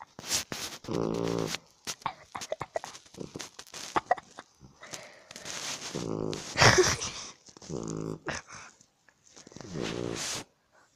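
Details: Dog snoring with several low, buzzing, vibrating breaths separated by snuffling and clicking sounds: snoring.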